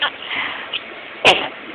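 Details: Sneeze.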